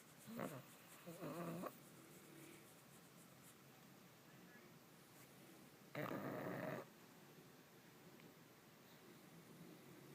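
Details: Sleeping pug, a flat-faced small dog: two loud, rough, fluttering inhalation snores a few seconds apart over steady room noise; snoring.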